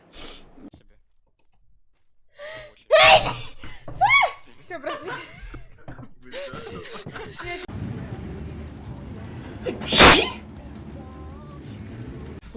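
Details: Woman gaming, announcing mid-game she is about to sneeze: talk and laughter, then a single sharp sneeze against low room noise; sneezing.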